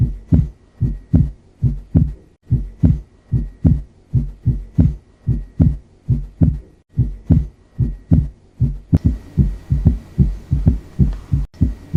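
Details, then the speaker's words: S4, S1, S2 and S3 heard in sequence (quadruple gallop rhythm): regular low heart sounds near 74 per minute with extra soft sounds around the lub-dub in each beat. "उसमें हम s4 s1 s2 और s3 तीनों को एक sequence में सुनने की कोशिश करते हैं तो हमें थोड़ा क्लियर होगा"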